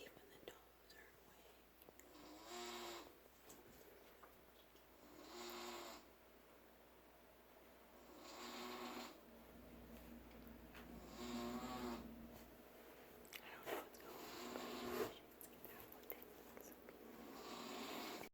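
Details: Mother snoring in sleep: slow, regular rattling snores about one every three seconds over quiet room noise; ordinary snoring.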